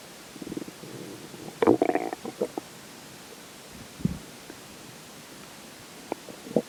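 Bursts of gurgling and bubbling rumbles with quiet gaps between them: ordinary stomach growling after drinking water.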